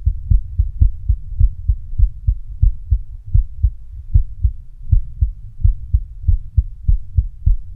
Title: Female heart beating with visible neck pulse